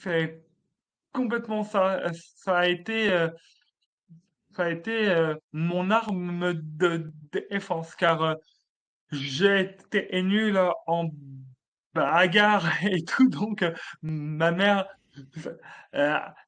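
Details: Adult male comedian who has stuttered since childhood, a real, lifelong stutter he regards as part of his identity: stuttering.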